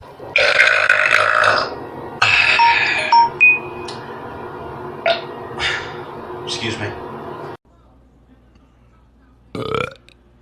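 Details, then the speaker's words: TikTok burp compilation: several loud, drawn-out belches one after another over room noise and faint music, with talk about burping; repeated burping. "I can't sing or dance but I can burp do you have some like gastrointestinal issues"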